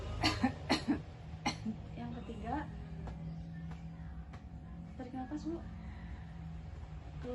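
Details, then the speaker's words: Nursing student's acted demonstration of effective coughing on a woman, with gentle shoulder patting: deep breath, then a few short, forceful coughs to clear phlegm in a quiet room. "Nah, sekarang saya ini tarik napas, Bu. Keluarkan secara dibatukan. Nah, sekarang yang kedua, tarik napas, Bu. Keluarkan, batukan."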